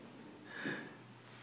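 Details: Man sleeping on a cold day gives a single brief, low snorting breath with a faint whistling edge against quiet room hiss; snoring.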